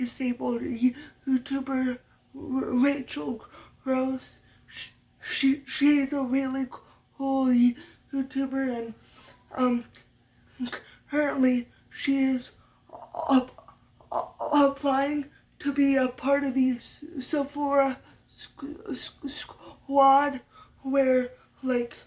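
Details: Adult woman who stutters, which she attributes to muscle tightness from cerebral palsy (brain damage as a baby); speech therapy from a young age through senior year of high school; uses techniques but expects lifelong stuttering; stuttering.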